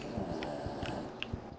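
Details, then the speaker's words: A dog snoring loudly in the background while its owner talks over a video game recording; snoring. "I don't know if you can hear it in the background my dog is snoring aggressively so just you"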